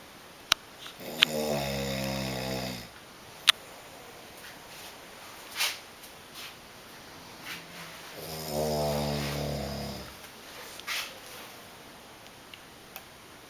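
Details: Snoring competition winner: two long, loud, rattling snores on inhaling about six seconds apart, with quiet breathing and small clicks between them.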